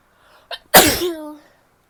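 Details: Female sneeze: a short in-breath and brief catch, then one loud, wet sneeze trailing off into a voiced sound.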